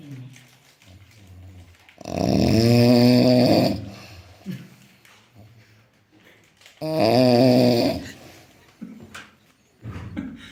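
Two loud, long, vibrating snores about five seconds apart with soft breathing and faint noises between; heavy snoring.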